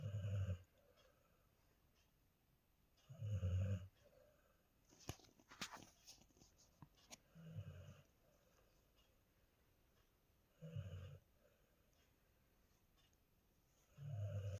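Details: Golden retriever snoring: low, buzzing snores on each breath, five over fifteen seconds with quiet gaps, plus a few faint clicks and rustles.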